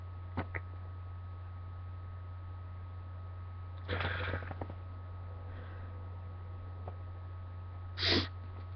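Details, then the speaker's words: Two sneezes a few seconds apart, the first drawn out with a breathy burst, over a low hum, from a person sneezing repeatedly, congested after waking, provoking sneezes with Q-tips. "like i think that was three sneezes in a row but the last one yeah they sounded like coughs at the end was really weird"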